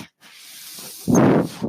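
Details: Soft steady hiss, then a brief louder rushing whoosh: a delivered breath from the speaker's own home mechanical ventilator, heard while he records a podcast.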